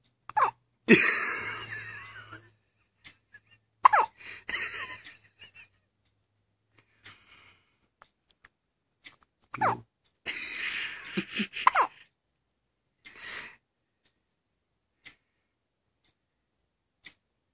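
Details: Baby with hiccups: sharp, sudden catching sounds, some followed by a breathy hiss, recurring every few seconds.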